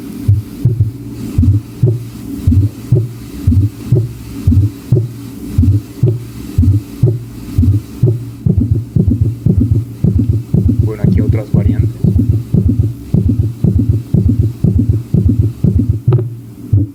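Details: Systolic murmur (aortic stenosis).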